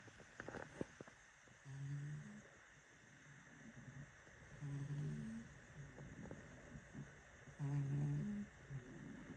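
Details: Cat, a heavy sleeper, snoring while asleep: soft, low buzzing snores, about three in eight seconds, over quiet outdoor background.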